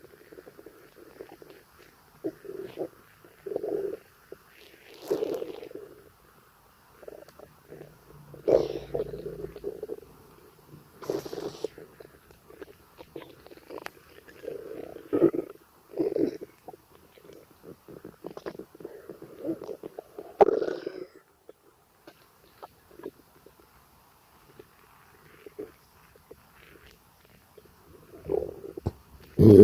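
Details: Irregular gurgling, bubbling rumbles from the belly during a gassy stomachache: borborygmi.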